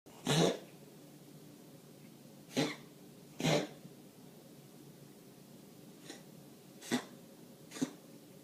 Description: My cat tends to cough like this regularly. He rarely coughs up a hairball, and the vet says the cat is fine.